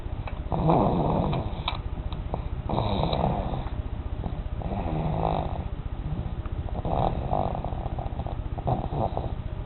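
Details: A dog snoring: rough, rattling snores repeating in a steady sleep rhythm, with low vibrating noise through each breath.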